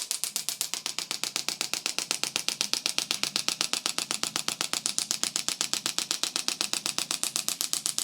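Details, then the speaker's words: Radial shockwave therapy device applied with small circles over the hip flexor, front of the TFL and glute medius of a jiu-jitsu athlete with hip flexor pain: steady, very regular sharp clicking pulses, about four per second. "again, this is one of the one of the tools I think is most effective of all the things I do at this office, which is the shockwave therapy."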